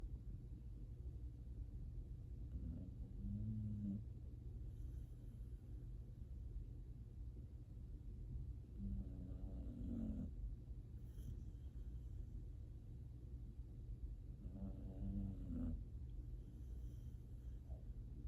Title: Happy The Pitbull’s Snoring Is Cute, Funny AND So Relaxing! #happythepitbull #asmrdogsnoring